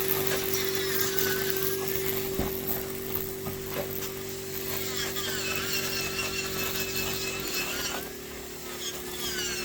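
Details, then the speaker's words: Man with a severely involuted ingrown toenail and nail bed recession from years of overcutting: steady high whine of a small rotary burr grinding and smoothing the toenail; podiatry nail drill. "So what we're going to do today is we're going to cut everything back, smooth everything back, and I've instructed him to cut it regularly to see if it will reattach."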